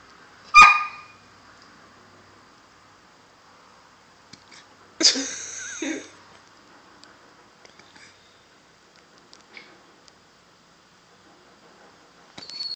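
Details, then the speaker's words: Hiccups in a pit bull named Bella: a sharp, abrupt hiccup sound followed by a brief snort-like noise in a quiet room. "Do you have hiccups? Bella, what's wrong? Do hiccups make you sad?"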